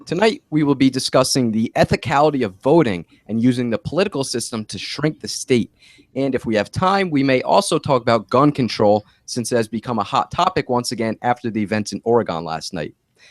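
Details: Adult man speaking; normal voice.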